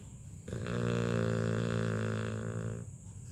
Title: LABRADOR puppy SNORES LOUDLY as he cuddles and sleeps on mom's lap. He wouldn't let MOM move at all!